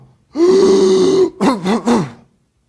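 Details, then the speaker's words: An adult imitates an infant's whooping cough (pertussis): a long, high, strained drawn-in whoop, then three short voiced cough bursts. "now i want you to imagine a little baby who got whooping cough from his mother a brother a cousin a family friend struggling to breathe with a cough that sounds like this"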